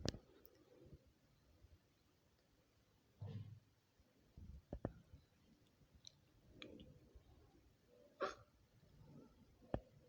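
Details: Several brief, sharp hiccup sounds, each a sudden gulp with a catch of breath, spread apart over quiet room noise; hiccups edited into a collage.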